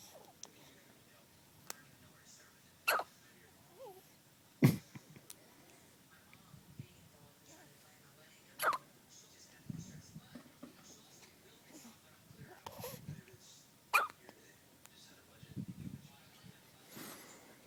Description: One day old Baby Boy who has the hiccups